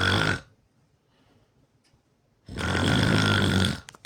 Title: Me snoring pretty loud